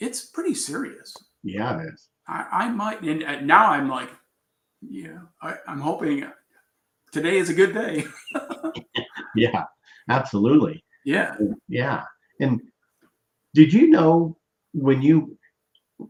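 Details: Aphasia in an adult man after a traumatic brain injury from a bicycle accident about four years earlier, with coma, followed by four years of recovery relearning to speak; trouble with words.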